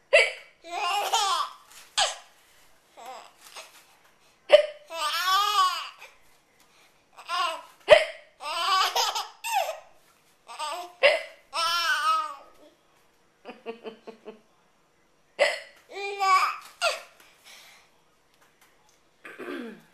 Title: VID00060 Hiccups are hilarous